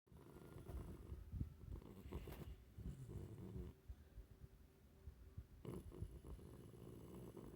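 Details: Snoring at rest: low, rough, rattling breathing noises.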